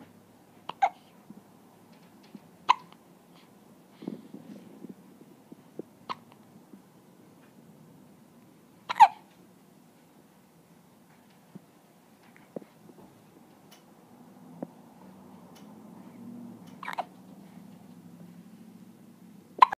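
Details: Hiccups in a few-weeks-old (species not stated): repeated brief, sharp hiccups at irregular intervals, about six clear ones over twenty seconds, against a quiet background.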